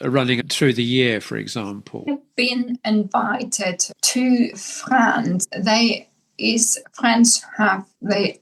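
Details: Aphasia in an adult woman, formerly a polyglot speaking five languages, caused by a massive brain bleed (stroke) about 10 years earlier that initially left her unable to speak; English and German are now easiest, and Spanish is slowly returning.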